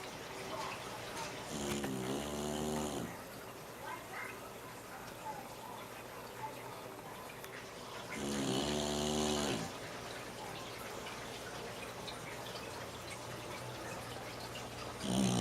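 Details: Adopted dog snoring: two long, rough, buzzing breaths about six seconds apart over steady room noise.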